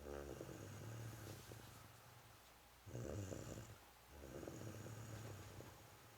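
Soft, low, fluttering snores that rise and fall with each breath. A cat snoring while asleep.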